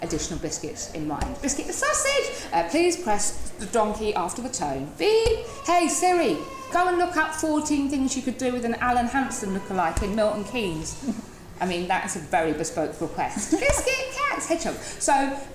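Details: Woman in her 30s with Tourette syndrome who uses a wheelchair; involuntary word tics and a repetitive chest-banging motor tic making a rhythmic thud; Tourette syndrome vocal tics.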